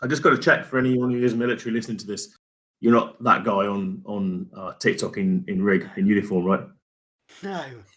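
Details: Adult man; ordinary speech.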